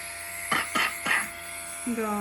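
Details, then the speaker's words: Young girl, sick with a strong cough that troubles her at night, breathing steam from an inhaler with plain boiled water and a runny nose: three short coughs in quick succession, then a brief vocal sound, over a faint hum. "Вот такой у нас кашель и ночью он нас мучает"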